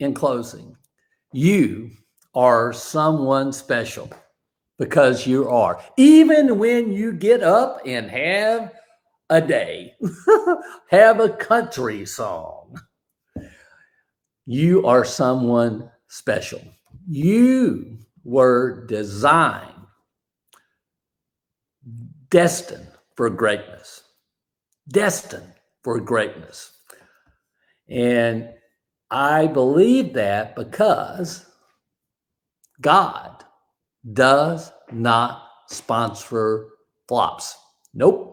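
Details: Aphasia after a stroke in a man, described as an invisible disability; a bad morning said to have affected his ability to talk that day; hesitations and garbled phrasing; aphasia.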